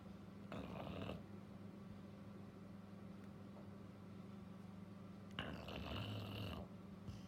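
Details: Female Labrador in deep sleep, twitching, snoring before being woken by her name: two noisy, rattling breath sounds several seconds apart over a steady room hum.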